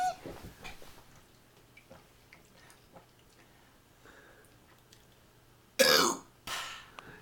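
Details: Man about to chug a can of ginger ale to burp: quiet room, then two harsh, forceful throat-clearing bursts near the end, the first louder than the second.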